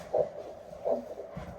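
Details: Handheld Doppler on a limb before tourniquet application: rhythmic whooshing arterial pulses, about 80 a minute; Doppler arterial pulse signal.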